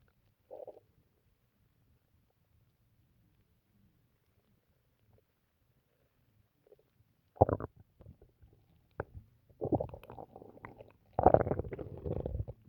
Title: stomach noises from drinking water